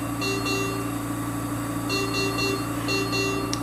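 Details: SERVO-i ventilator in pressure support mode with the apnoea time set to 15 seconds: repeating groups of high alarm tones over steady machine hum as the apnoea alarm fires and the ventilator switches to backup ventilation.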